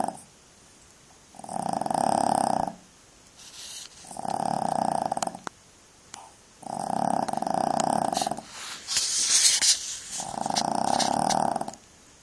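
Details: Puppy snoring while asleep: rhythmic raspy snores roughly every three seconds, about 20 breaths a minute, with some rustling noise.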